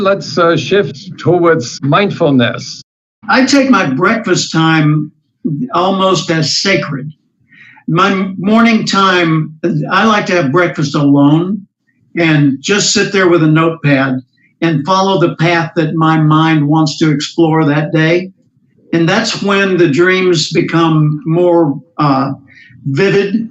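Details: Adult male speaker; ordinary speech.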